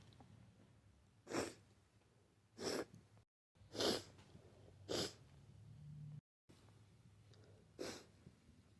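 Five wet, explosive sneezes in close succession with breaths between, in a quiet room; sneezing with a cold or flu.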